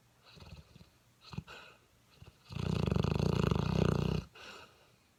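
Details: 7-month-old mastiff puppy snoring while asleep: a loud, low, fluttering snore under two seconds, preceded by quieter snuffling breaths.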